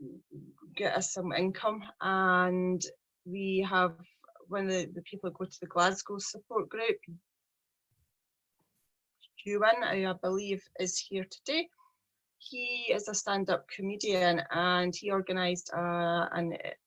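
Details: 43-year-old woman who stammers, with a speech problem since age three; stuttering.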